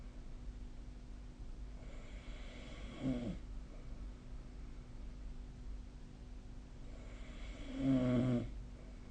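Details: Two soft, low, rattling snores about five seconds apart during sleep, with steady room hum behind them; snoring sleep recording, possibly via the SnoreLab snore-tracking app.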